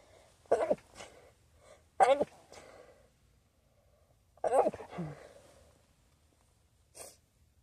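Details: Sneezing from a new feather pillow, nose apparently reacting to it, staged scenario: three sharp sneeze bursts, each with a short breathy tail, then a faint sniff in a quiet room.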